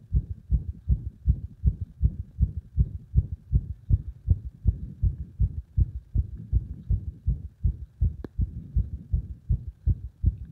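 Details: Fast, loud compressed heart sounds at about 160 a minute with uneven spacing and a few early beats: irregular heartbeat, frequent arrhythmia.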